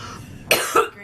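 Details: A single short, harsh double cough from a girl after smoking, over faint room noise. She then reports a burning throat.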